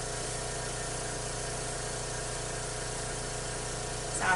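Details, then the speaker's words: Suction machine left running during tracheostomy suctioning on a simulated client, while the lungs are auscultated: a steady mechanical hum and whir, with a brief clatter at the end. "you know what I should have probably turned off my suction while I was pretending my clients lungs because I could probably hear them better"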